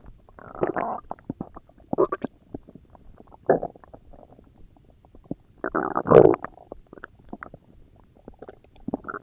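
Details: Irregular gurgling and rumbling bursts from a person's abdomen with quiet gaps between them; ordinary stomach growling, a normal bowel sound, real recording.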